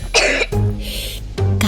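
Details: Acted cough in a children's flu-and-cough medicine advertisement: a short, harsh cough burst with a throat-clearing quality, then low voiced or hummed tones over background music; a plain cough.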